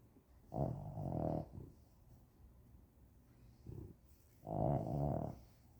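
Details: Boxer dogs asleep, one described as very loud; snoring.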